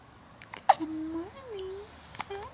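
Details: Hiccups in an infant in the early morning: a sharp, abrupt hiccup click, then soft drawn-out coos and a second small hiccup in a quiet room.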